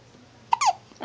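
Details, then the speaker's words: Baby boy with hiccups: a single brief, high squeaky catch in a quiet room; infant hiccup. "shawn has the hiccups with it dies no squeaker I know it's like sweet boy"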